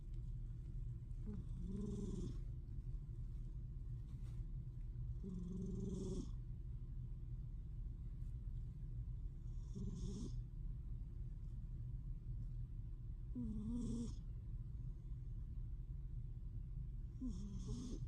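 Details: Sleeping female cat snoring: soft, regular snores about every four seconds, roughly 14 breaths a minute, over a steady low room hum.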